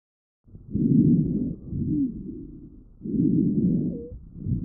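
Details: Child's lung auscultation recorded with a StethoMe electronic stethoscope, AI-classified: brief high-pitched whistling continuous tonal sounds, wheezes from airway obstruction, characteristic of asthma.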